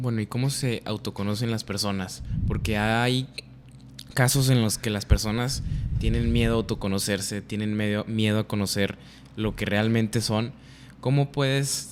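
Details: Adult man speaking Spanish; no speech disorder.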